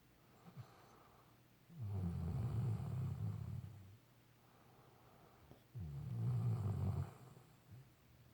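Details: Snoring during sleep: two long, low, rumbling snores about four seconds apart, with quiet pauses between them.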